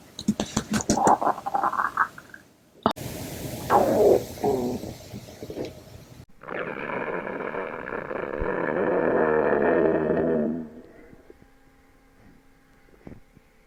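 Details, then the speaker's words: Girl's hungry stomach growling: several gurgling, rumbling stretches and one long drawn-out growl from the belly, a normal hunger sound of gut movement. "it's okay oh it's okay tummy we'll feed you soon"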